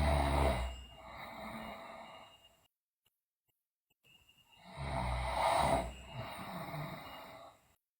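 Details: Sleeping girl snoring: two long, loud, rattling snores with a pause between them; heavy snoring, also reported teeth grinding and delirium.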